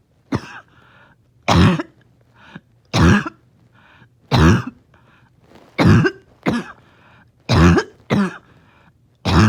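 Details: A dog in the morning, having a hard time resting, gives a run of about nine harsh, honking cough bursts with faint wheezy breaths between them: a barking cough with wheeze.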